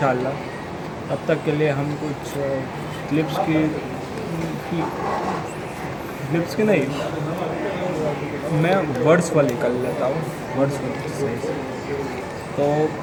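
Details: Adult man who stammers reading a Hindi paragraph aloud during daily practice; he says he stammered on words such as 'pistaul' and 'sandook'; stammering.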